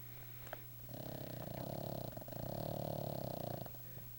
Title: Duffy snoring